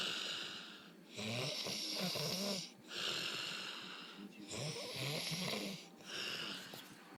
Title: Snoring pig 2